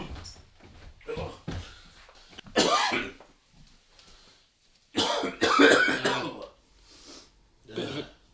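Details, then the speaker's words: Acted cough in a comedy lockdown skit: several harsh, forceful cough bursts with throat clearing in a small kitchen, the cougher claiming hay fever and feeling fine. "max mate buddy you know with all the virus and everything don't you think it's maybe a good idea if you don't cough all over the kitchen"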